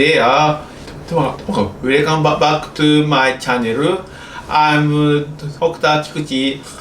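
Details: Childhood-onset stuttering (developmental fluency disorder) in an adult male Japanese doctor who stutters, speaking English.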